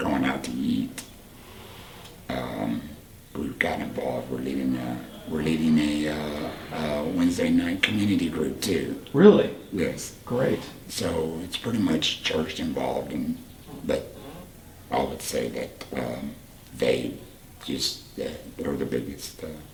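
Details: Adult man, 38, whose voice box was removed for cancer about four years earlier, speaking with a voice prosthesis and HME: tracheoesophageal speech after laryngectomy.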